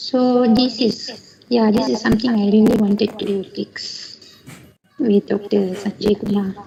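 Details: 18-year-old male with a high-pitched, shrill voice since age 13 with occasional voice breaks; normal vocal cords, no sulcus or phonatory gap; 5 years of prior therapy without change; recorded before treatment; puberphonia.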